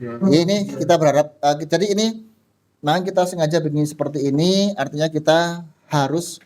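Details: Adult male speaker; Normal speech.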